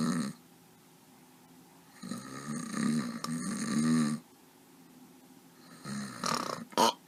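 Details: Acted, cartoon-style snoring of a character at night keeping his roommate awake: drawn-out rumbling, nasal snores in bursts of a few seconds separated by quiet pauses; simulated snoring.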